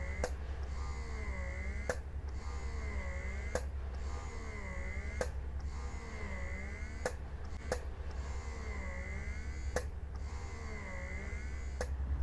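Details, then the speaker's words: Mom Uung portable electric breast pump in suction mode, stepped through levels 1 to 9: steady motor hum with rhythmic rising and falling whirs and clicks about every 1.7 seconds. "Kemudian untuk memindahkan dari mode pijat ke mode hisap maka kita bisa menekan tombol power lagi seperti ini sebanyak dua kali kemudian kita akan melihat bagaimana reaksinya ketika dia menghisap di level 1 sampai dengan level 9"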